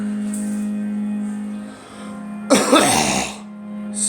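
One harsh cough burst, over steady background music.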